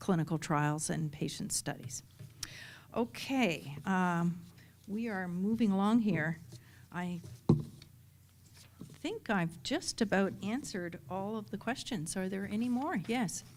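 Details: Adult speaker; typical speech.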